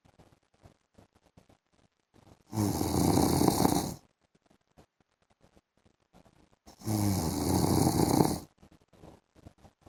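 Two long, loud, rattling snores about four seconds apart with quiet ticking room noise between: snoring during sleep.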